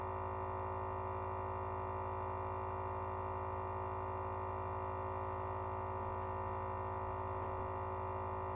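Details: Home nebulizer compressor on a hard surface during a 15–20 minute breathing treatment: steady loud droning buzz of a small motor running without pause; nebulizer compressor running.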